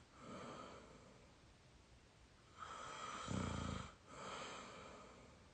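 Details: 22-year-old, very tired: soft breathing building into a coarse, rattling snore, then easing off; ordinary sleep snoring.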